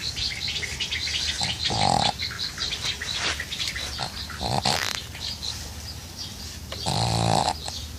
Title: Snoring Dog